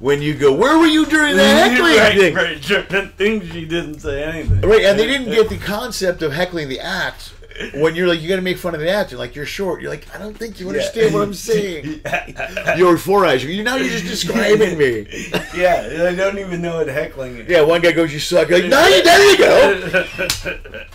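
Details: Adult male speakers in conversation; normal conversational speech.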